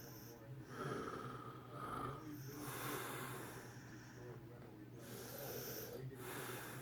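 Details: A person snoring: rough, low rattling snoring breaths repeating over steady room noise; snoring.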